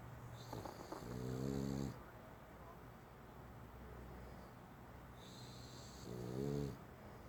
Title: Snoring